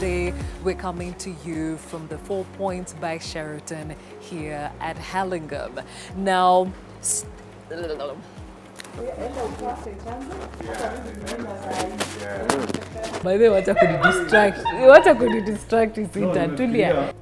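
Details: Adult presenter; normal speech.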